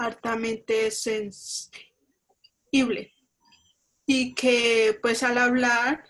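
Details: Colombian woman who stutters, speaking Spanish in a stuttering support group; she reports her voice cutting off when she speaks; stuttering.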